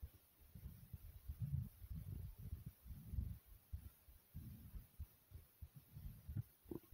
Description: here is my heart thumping from my chest after some jumping jacks.